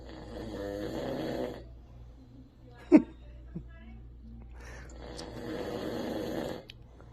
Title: Sleep and snore